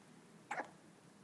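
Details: Newborn baby on his first day of life: one short, sharp gulping catch of breath in a quiet room. A single hiccup.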